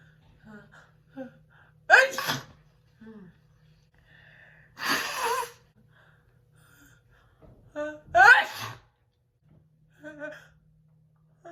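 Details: Three loud, sharp sneezes from a girl, each preceded by a quick gasping inhale, with brief breaths in between; sneezing.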